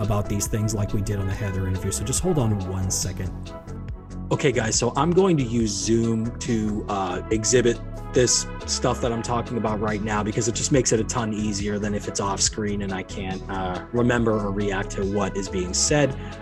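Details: Adult man speaking; normal speech.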